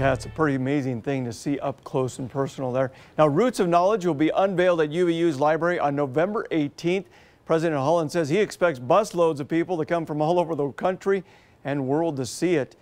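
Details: Adult news reporter; normal speech.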